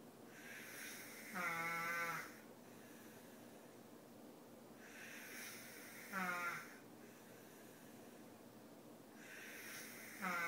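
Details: Loud rhythmic snoring, rattling buzzing quality on each inhalation, about 14 breaths a minute, quieter exhalations; snoring that woke the recorder.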